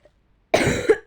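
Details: A single short harsh cough with a brief second push from a female speaker who says she is ill, apologizing for coughing during a voiced role-play recording.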